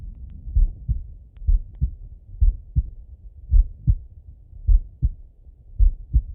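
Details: Relaxed heart auscultation in bed: clear, regular lub-dub heart sounds at about 55 beats a minute, slow and steady at rest; normal heart sounds.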